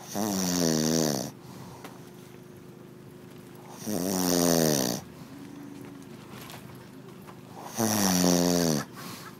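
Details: Man snoring: loud, rattling inhaled snores about every four seconds, roughly 16 a minute, with quiet breathing between.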